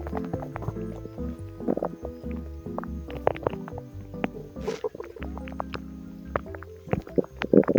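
Irregular gurgles and squelching bowel sounds over steady background music, consistent with stomach rumbling.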